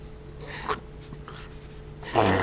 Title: Dachshund - reverse sneezing (Part III)